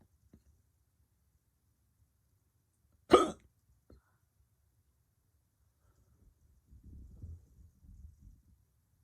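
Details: Male with hiccups since waking that morning: a single sharp, sudden gulping hiccup amid quiet, followed later by faint low murmuring.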